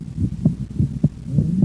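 Steady lub-dub heartbeats with a second sound that splits on breathing in, a normal finding.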